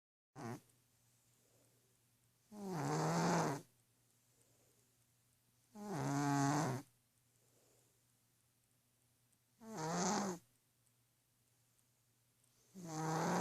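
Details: Orange cat asleep on a pillow, snoring loudly enough to keep someone awake: regular snoring breaths about every three to four seconds, around 18 a minute, in a quiet room.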